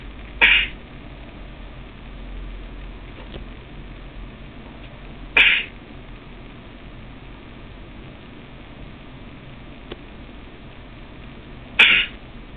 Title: sneeze attack